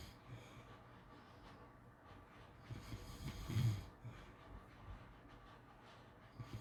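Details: Low rumbling snore on an in-breath during sleep, against a steady background hum.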